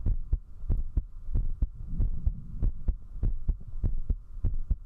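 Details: Strong, quick lub-dub heartbeat at about 100 beats a minute under a steady hum, recorded at zero distance with a 3Dio binaural microphone from a woman while drinking alcohol; a fast heartbeat after drinking.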